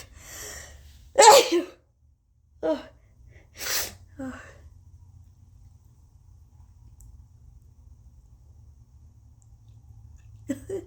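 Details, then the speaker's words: Two sharp provoked sneezes, each preceded by a brief in-breath, then sniffing, from a congested person after sniffing turmeric and putting it in the right nostril with a Q-tip. "okay okay okay so um there's one's sneeze"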